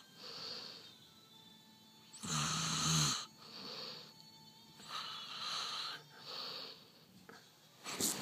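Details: Man asleep snoring: rhythmic noisy breathing with one loud rattling, buzzy snore among softer hissing breaths.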